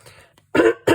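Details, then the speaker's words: Brief single cough or throat clear then a second short burst in a quiet room, from an adult who says they have had a cold all week; cough. "Yeah, I have got a bit of a cold. I've had a bit of a cold all week,"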